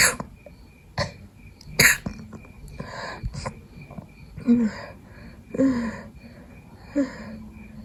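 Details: Person with a cold trying to fall asleep in the middle of the night: wet congested sneezes and sniffs with throat clearing and small coughs; snotty sneezing from a cold.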